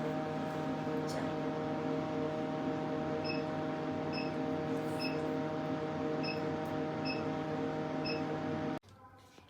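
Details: Steady machine hum with about six faint, sharp clicks, roughly one a second, as a laser hair removal device fires at setting 5 during a repeat treatment session; quiet room noise follows.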